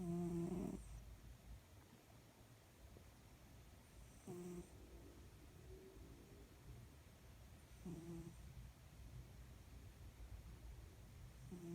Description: My beautiful cat snoring when taking a good nap ❤️😴